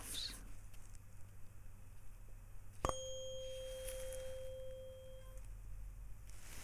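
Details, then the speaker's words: Simulated cranial nerve exam roleplay: a tuning fork is struck, giving a sharp strike, then a clear pure tone fading over about two seconds; the patient signals when the sound starts and stops in a bedside hearing test. "I need to tell me when you can hear the sound and when it stops okay so say now when you can hear it and then stop when it stops okay so this is the sound you'll hear in a moment"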